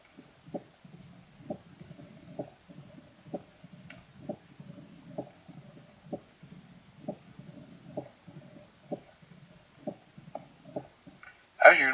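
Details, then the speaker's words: Typical presystolic murmur of advanced mitral stenosis: a rough crescendo mid-diastolic rumble rising and ending abruptly in a sharp mitral first heart sound, about 64 beats a minute. "take for example the typical presystolic murmur of advanced mitr stenosis"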